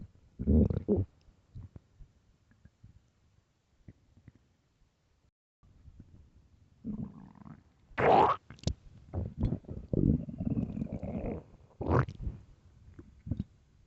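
Loud gurgling and rumbling stomach growls in bursts with quiet gaps; hunger-related bowel sounds, a normal finding.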